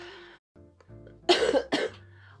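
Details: A person still recovering from a throat cold coughs while talking: two sharp, harsh coughs in quick succession over steady background music.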